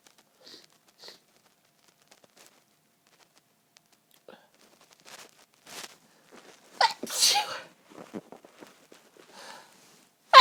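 Faint sniffs and catching breaths, then loud explosive sneeze bursts, with another starting at the end; repeated sneezing in a fit.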